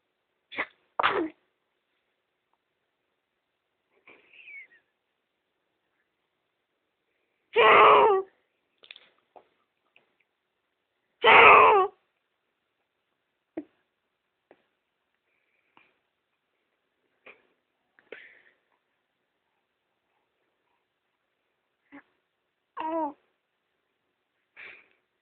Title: trying to sneeze and makes funny noise